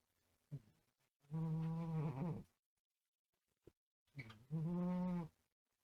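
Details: A sleeping cat snores away with two long, buzzy, tonal snores about three seconds apart, roughly 20 breaths a minute; a brief parakeet peep sounds at the start. Snoring.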